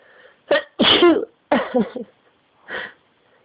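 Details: Self-induced sneezing, provoked by putting a key tip up the nose: a short intake, then a loud explosive sneeze, a second sneeze and a smaller third burst.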